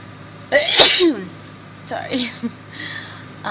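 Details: Woman sneezing: two sharp sneezes, each with a quick inhaled lead-in, a brief noisy burst and a small voiced sound after, over faint room noise.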